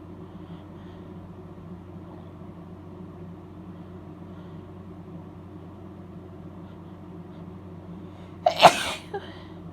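Steady engine-like hum in the background, then one sudden, forceful wet sneeze near the end.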